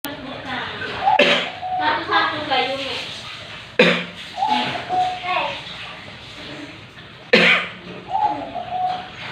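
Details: Three sharp coughs, each followed by hoarse, drawn-out groaning and throat sounds; ordinary cough recorded during the coronavirus season.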